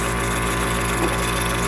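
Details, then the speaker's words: Steady, loud motor hum and buzz of a nebulizer compressor switched on to demonstrate its use for dogs with cough and colds (one dog sneezing); no breathing or voices heard. "Bubuksan ko na po. Para makita niyo po. Medyo maingay ito mga kabadis, ha."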